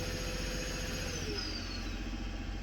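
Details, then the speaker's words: Cough assist (mechanical insufflation-exsufflation) device via face mask, pushing air into the airway then pulling it out, cycling pause-inhale-exhale: steady motor hum with a falling pitch shift at phase changes; device cycling. "Inhale. Exhale. Pause. Exhale. You see how it's doing that?"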